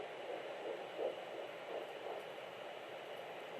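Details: Fetal Doppler of twins at 9 weeks 5 days, rates about 170 and 180 a minute, hard to tell apart: faint, fast whooshing pulses under steady Doppler hiss; normal fetal heartbeat.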